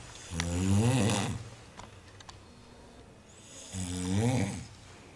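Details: Young man snoring while asleep on a trip: two loud, rumbling low-pitched inspiratory snores separated by a quiet pause in a small room.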